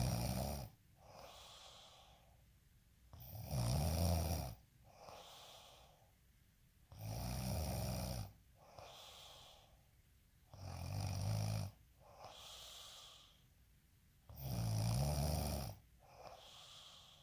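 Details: Loud rattling snores on each in-breath with softer breathy out-breaths, about 16 breaths a minute; steady snoring.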